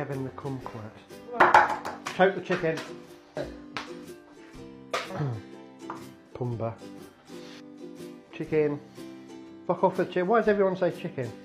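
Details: Person with Tourette syndrome cooking, with involuntary vocal tics of random words and phrases interrupting the talk; Tourette syndrome vocal tics.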